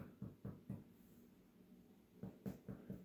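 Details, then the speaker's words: Abdominal assessment demonstration: two short runs of hollow, drum-like percussion taps across the abdominal quadrants; tympany noted in all four quadrants, a normal tympanic percussion note over gas-filled bowel. "okay timpani is noted in all four quadrants of the abdomen"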